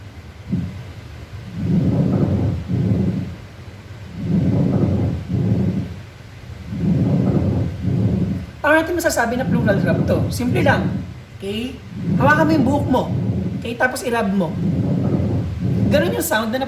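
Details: Low, rough grating bursts with each breath, demonstrated during a teaching session on chest and thorax assessment; pleural friction rub.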